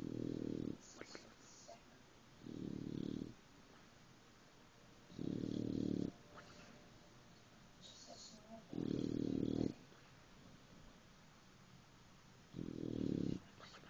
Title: snoring dog